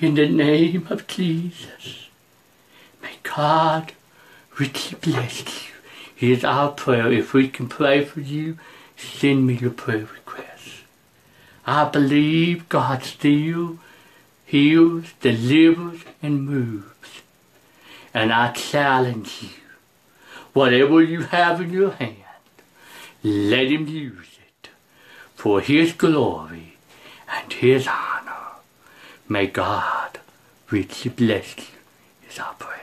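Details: Preacher who says he has a speech impediment, can't see straight, hears poorly and can't get out unless someone drives him; speech impediment.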